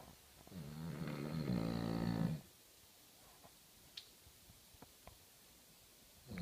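A single low, buzzing snore on breathing in, then quiet breathing; typical snoring of a short-nosed dog.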